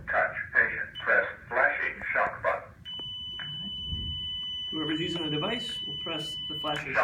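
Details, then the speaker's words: ZOLL AED Plus in a demonstration with adult pads, after the prompt "shock advised": spoken prompts, then a steady high electronic tone as the defibrillator charges before the shock, then more voice prompts. "analyzed shock advised touch"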